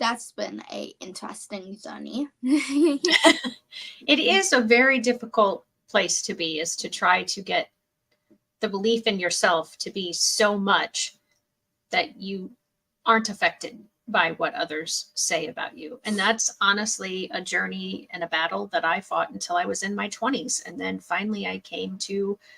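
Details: Adult woman speaking; normal speech.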